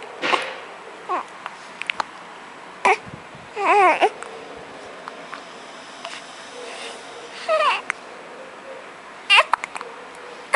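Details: A baby's short, abrupt hiccups, spaced irregularly, with a few soft babbling noises in between.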